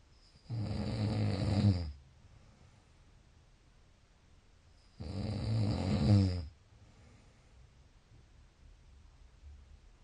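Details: Snoring: two long, deep, rumbling snores on breathing in, a few seconds apart, with quiet between them.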